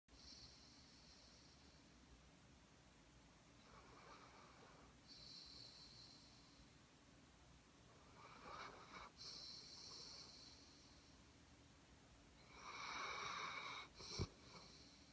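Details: Snoring: soft, whistly snoring breaths about every four to five seconds in a quiet room.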